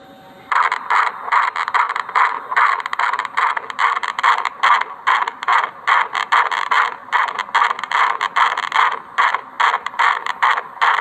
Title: Fetal heartbeat sound( भ्रूण की दिल की धड़कन की ध्वनि)#video#baby